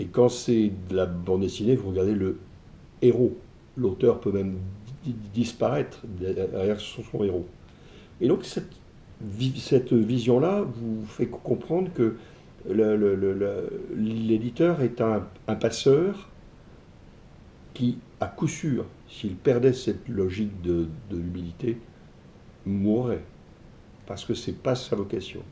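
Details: Man who stutters, describing it as what has marked him most in life though it never held him back; ease of speaking varies with the listener's receptiveness; stuttering.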